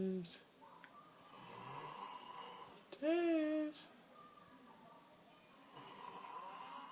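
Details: Noisy, hissing sleep breaths with a brief loud, buzzing snort mid-way, then another raspy breath; snoring.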